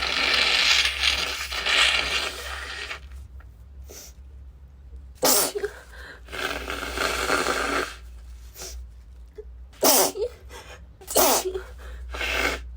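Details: Female with a cold sneezing constantly, unable to stop even while blowing her nose: repeated sharp sneezes in quick series after noisy breathing; sneezing.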